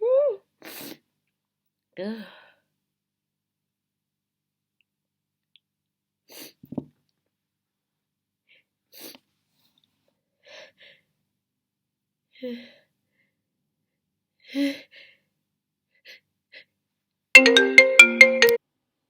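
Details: Person deliberately trying to muffle sneezes: a series of brief, stifled sneezes with short voiced catches, then a louder unmuffled sneeze at the end.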